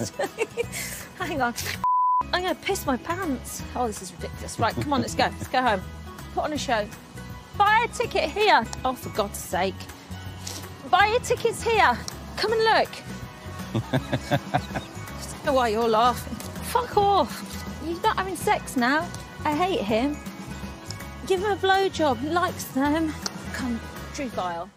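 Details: Adult woman with Tourette syndrome producing involuntary vocal tics, including swearing and out-of-context phrases; Tourette syndrome vocal tics with coprolalia.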